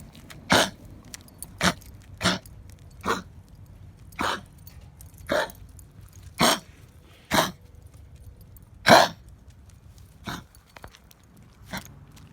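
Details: A 10-year-old, 9 lb small dog gives about eleven short, dry hacking coughs after five days of coughing, on Clavamox; owner hopes it is bordetella/kennel cough or bronchitis, not COVID; kennel cough.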